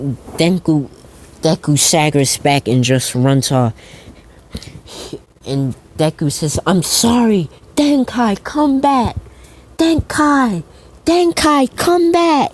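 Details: Stuttering in a man who says he stutters a lot, narrating a fan story.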